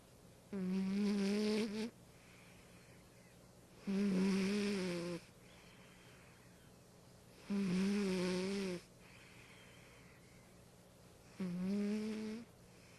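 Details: Snoring: four long, loud, rattling snores with quiet gaps between, about 17 a minute, slow and fairly even.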